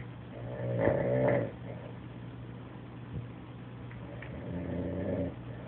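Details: Adult man passed out asleep on a couch: low rattling snore on a breath in, then quieter breathing and a second softer snore, with steady background hum; snoring.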